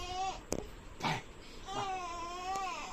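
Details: Baby girl cries in two drawn-out wails, with a brief adult voice between them, while her father comforts her; infant cry.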